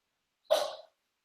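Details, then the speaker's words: Cat sneezing repeatedly in rapid-fire bursts in the background of a chat; a single short, sharp, hissing sneeze against a quiet background. "can you guys hear that my cat is sneezing over and over and over it's like a rapid fire machine gun sneeze out there um it's very distracting sorry"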